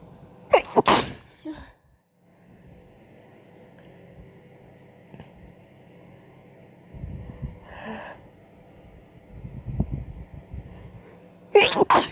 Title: Sneezes, blowing, and false starts